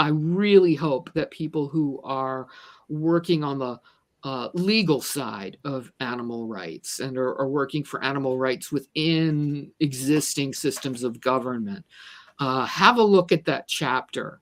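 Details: Adult speaker who says she stutters and is a person with a disability, with word repetitions; stuttering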